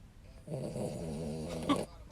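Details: Snoring dog: a single drawn-out, vibrating snore ending in a brief snort.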